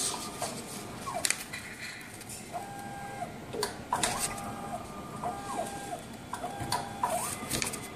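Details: MSLAB07 automated blood analyzer running background check after pressing sample test: mechanical whirring with repeated short motor tones and clicks; normal operating cycle.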